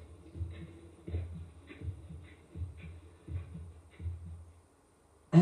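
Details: Steady, low double thumps at about 50 beats a minute with a faint background hum; a normal human heartbeat from the record's "sounds of Earth" recording.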